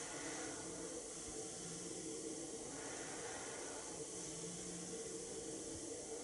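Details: CPAP running at 12 cm H2O through a Philips Respironics Pico nasal mask during a fitting demonstration: steady soft hiss of continuous airflow with faint slow breathing changes.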